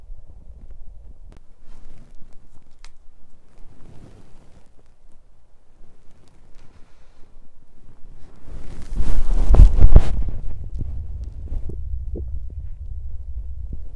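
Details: Stomach sounds from a woman's belly while digesting: low, soft abdominal rumbling with one louder gurgling burst; ordinary digestive bowel sounds.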